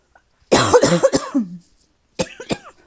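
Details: Tickly cough in a person who feels it is finally starting to get a little better: several quick, dry coughs in a burst, a short pause, then two more small coughs, an irritative cough.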